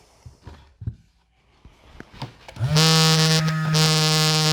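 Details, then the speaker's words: Adult self-measuring blood pressure at home, cuff wrapped somewhat snugly on arm with sensor where a stethoscope would go: handling knocks and start-button press, then steady buzzing pump hum as the automatic cuff inflates. "And I'm going to hit the start button."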